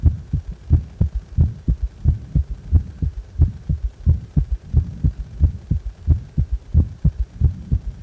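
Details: Regular heartbeat at about 90 a minute with an extra low, dull sound after the second sound: a prominent (strong) third heart sound (S3).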